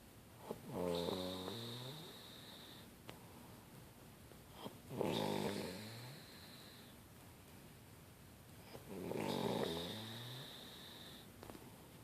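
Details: Girl snoring: three long, coarse, rattling snores on the in-breath over twelve seconds, about one every four seconds, with quiet pauses between.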